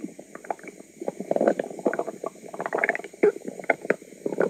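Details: Continuous bubbling, gurgling and popping stomach rumbles from a woman's noisy tummy; active bowel sounds (borborygmi).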